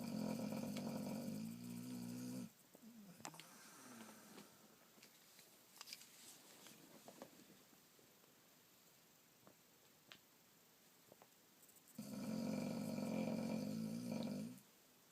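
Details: Boxer dog snoring while asleep: two loud, rattling inspiratory snores with a long, quiet breathing pause between them, in a small room.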